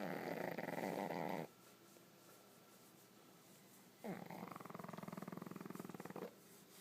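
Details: Pug snoring while asleep with her eyes open: loud rattling snore bursts separated by a quiet pause, with a fluttering, purr-like buzz on each breath.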